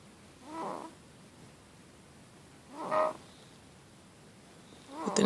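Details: Infant aged four and a half months: three high-pitched, harsh, noisy inhaling breaths, about 27 a minute, which the parent thinks is stridor. Slight retractions are visible, with no signs of respiratory distress.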